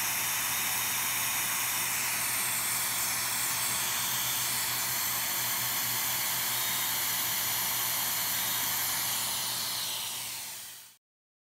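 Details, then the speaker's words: Steady loud hiss of a CO2 laser with smoke suction, fading at the end, during removal of xanthelasma (yellowish cholesterol-deposit plaques on the eyelids, which can occur even with normal cholesterol). "this is called cholesterol deposits but people with normal cholesterol are low cholesterol can have this too so we use a co2 laser to remove this"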